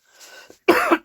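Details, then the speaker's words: Adult teacher coughing while speaking: soft rasping throat noise, then a single loud, harsh, voiced cough in a quiet room. "खांसी आ रही है थोड़ा सा क्षमा कीजिएगा इसके लिए।"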